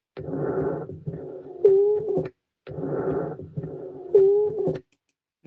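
Two noisy breath cycles, each carrying a high musical whistling tone that comes and goes with the breath rather than staying constant: wheezes.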